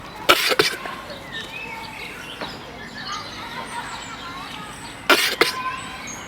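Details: Two short bouts of harsh, explosive coughs from a sick goat, a few seconds apart, with birdsong and outdoor noise behind.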